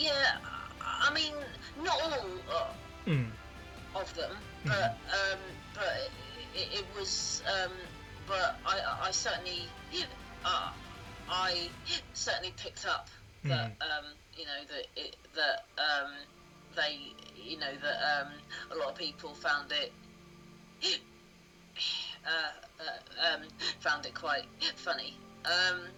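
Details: Stuttering with blocks, repetitions and many fillers in an adult woman who has stammered since childhood (onset stated as about age two or three, and also as age seven, 33 years ago).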